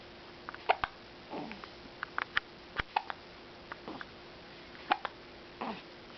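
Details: Series of brief, sharp, irregularly spaced hiccups with small jerky sounds over about six seconds in a quiet room.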